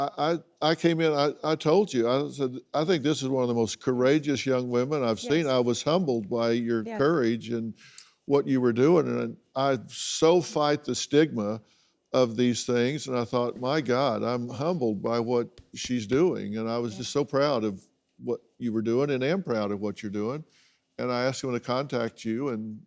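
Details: Adult man speaking; normal speech.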